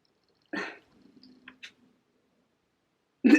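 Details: A low, drawn-out gurgling rumble with a few soft pops between two brief louder bursts: stomach growling (borborygmi) from a woman at 11 a.m. who has only drunk coffee that day.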